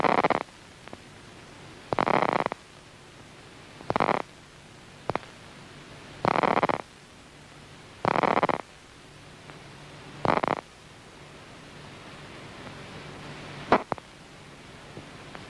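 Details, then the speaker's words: Cat visual cortex neuron recorded with an electrode while patterns of lines are shown: bursts of crackling action potentials rise out of a hissing background about every two seconds. "what you heard was some action potentials growing out of the background noise as the electrode approached a cortical cell"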